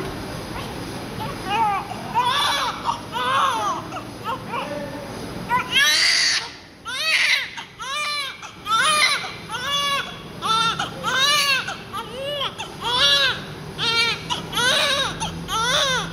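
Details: Newborn just after birth, being cleaned of heavy vernix front and back: repeated rhythmic crying bursts, strong and regular, with handling noise; a vigorous normal newborn cry.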